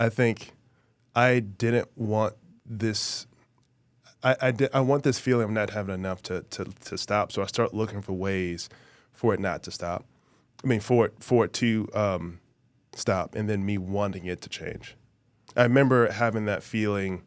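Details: Adult male former professional football player with a really bad stutter since childhood, treated by a speech therapist as a child and still present now; stuttering.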